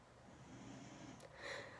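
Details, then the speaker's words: Dog snoring in the background of a quiet room, a single soft snort-like breath near the end: snoring. "sorry if you can hear like snoring my dog is snoring in the background"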